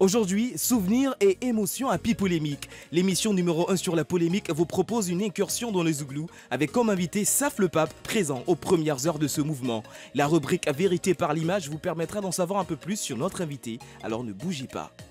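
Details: Adult presenter speaking French; normal speech.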